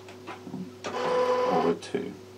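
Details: Mechanical clicks and a whirring turn as phoropter lenses switch during a real optometrist eye examination, with a steady hum behind.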